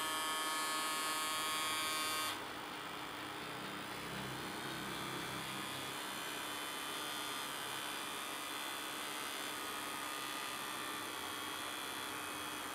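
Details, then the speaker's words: Microlife W3 Comfort wrist blood pressure monitor inflating: a small motor hums steadily, louder at first then settling to a lower whir; this newer model measures while inflating. "ví dụ một cái máy đời cũ rất là nó sẽ bom lên phát là cao sau đó xuống sân O2 lần còn cái máy đời mới rất là nó sẽ bơm lên sau đó rò cái mức áp tâm trương tiếp trước"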